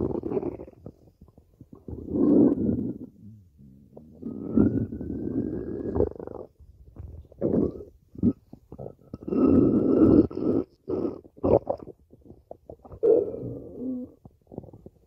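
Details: Long gurgling, rumbling and squeaky waves of stomach growling from gas and fluid moving through the gut: borborygmi.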